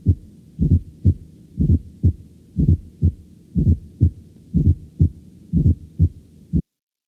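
Steady low heartbeat at about 60 a minute; each first sound is preceded by a soft extra thud just before it, giving a galloping rhythm. This is a fourth heart sound, from forceful atrial contraction into a stiff ventricle, and it is always abnormal.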